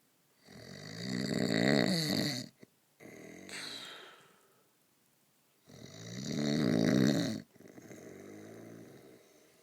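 Loud rattling snores on each in-breath, about two cycles in ten seconds, with quieter out-breaths; ordinary snoring.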